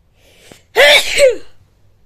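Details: Uncovered, messy sneezing: a short indrawn breath followed by one loud, explosive, voiced sneeze.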